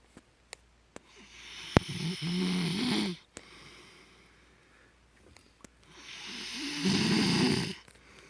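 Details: Loud snoring from a husband (adult man) while asleep.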